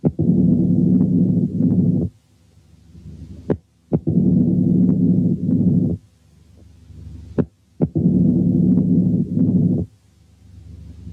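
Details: Simulated mitral stenosis slowed as if the heart rate were 15/min, then gradually sped up: accentuated first sound, opening snap, long low rumbling mid-diastolic murmur and presystolic accentuation.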